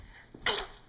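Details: Young girl asked how she sneezes makes an imitated sneeze: a single short, hissy pretend sneeze after a brief soft intake of breath.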